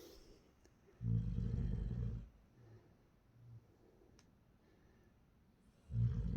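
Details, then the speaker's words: Child sleeping turned over beside father at 2:47 a.m., recorded secretly; snores like this nightly; low, rumbling snores in a quiet room, each about a second long, spaced several seconds apart; snoring. "মানে ও প্রত্যেকদিন এরকম নাক ডেকে ঘুমায় সেটা আমি আজকে হাতে নাতে প্রমাণ দিচ্ছি"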